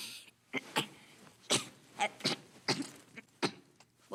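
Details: Child with Tourette syndrome producing a sudden animal-like vocal noise; vocal tic (Tourette syndrome).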